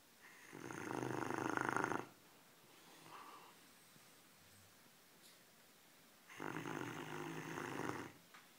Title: 狗狗打鼻鼾 St. Bernard Snoring